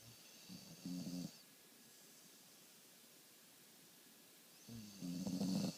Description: Can't believe how loud he snores